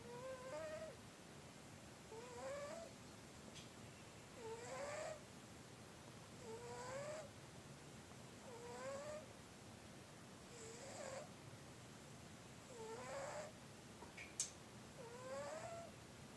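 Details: Sleeping cat snoring, with a rising whistling squeak on each breath, about 28 breaths a minute, over steady room hiss.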